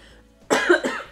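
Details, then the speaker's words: Adult woman with a strained, lost voice coughing while doing acrylic nails: single short harsh cough over faint background music. "I'm really sorry you've had to listen to all the coffin in this video I've tried to edit as much as I can out and as you can hear my voice is still strained like it's still gone"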